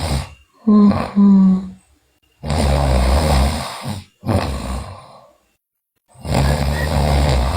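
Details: Loud, rough, rattling snoring breaths in long bursts with pauses, plus brief groaning voice, from a sleeping girl; bruxism and delirious talking also noted in the recording.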